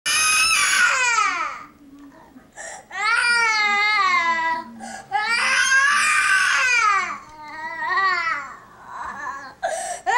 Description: Instead of consoling this adorable baby, I just kept shooting video. Bad daddy!